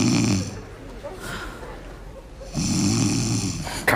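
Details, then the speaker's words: Cat snoring: two rough, low rumbling breaths with a quiet pause between them. "Коль ты ты Что храпишь Что ли"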